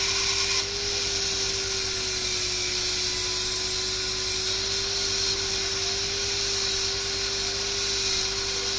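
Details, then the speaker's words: Dental handpiece with a straight fissure bur cutting a class 5 cavity (cervical third, buccal surface, maxillary first molar), about 0.75–1 mm deep, for a GIC restoration. Continuous high whine with a steady hiss for several seconds. "So let's start with the cavity preparation. I'm using a straight fissure bow for this."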